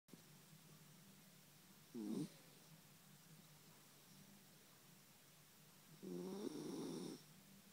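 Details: Sleeping dog snoring: two rough, rumbling snores on the breath, a short one then a longer one about four seconds later, over steady room hum.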